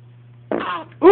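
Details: Baby boy with hiccups gives two short, abrupt voiced catches over a steady low hum; hiccups.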